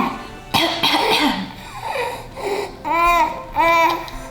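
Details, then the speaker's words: Infant of almost 20 pounds, sick for days with heavy nighttime wheezing and fever (parent suspected croup), being tested for RSV at the doctor's office: a few short, loose, wet coughs with fussy sounds between; pulse oximetry normal. "But it just sits there and she doesn't cough and it just sits there. So she's like breathing in because her lungs seemed fine to me. But we're gonna check just to make sure. I really think you just need to cough."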